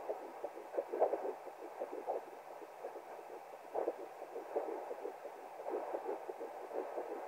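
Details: Fetal heartbeat at 10 weeks 3 days of pregnancy on a handheld fetal Doppler: fast, regular whooshing pulses, first heard at 9 weeks 6 days.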